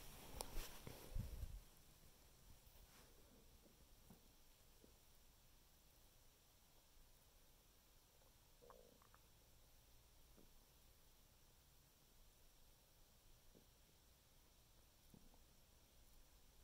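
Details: Stomach noises after eating six thin cookies: soft gurgles and clicks of rumbling after a brief loud handling noise; borborygmi (bowel sounds).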